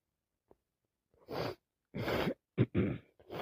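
Several harsh, noisy breaths and sniffs through a congested nose in quick succession, fitting noisy breathing with a head cold.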